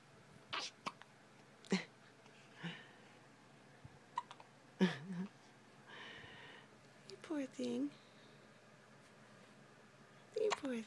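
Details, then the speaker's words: Baby girl, 1 week and 1 day old: short, abrupt little catches recurring every few seconds, with soft infant noises in a quiet room; newborn hiccups. "What's that? Still got hiccups. You still got them."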